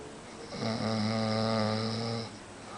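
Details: Adult man, a roommate's boyfriend, asleep in a quiet room, giving one long, steady, droning snore lasting under two seconds; snoring.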